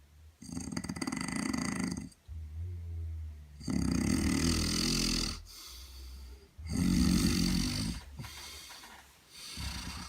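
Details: Person sleeping in a shared space on the Camino: loud, harsh snores on both inhalation and exhalation, with snorting and gurgling rumble, about two breaths every five seconds; heavy snoring.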